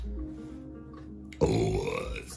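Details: Female streamer gives a loud, low, drawn-out burp of about a second over quiet music; burping.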